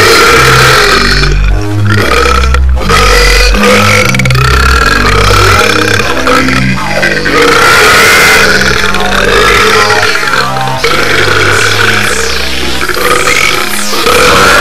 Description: me burping